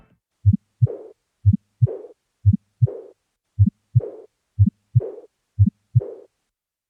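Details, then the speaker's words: Aortic regurgitation: soft, gradually fading diastolic murmur after the second sound, regular heartbeat near 60 per minute. "типичными аускультативным признаками аортальной регургитации является постепенно ослабевающие диастолический шум и щелчок изгнания"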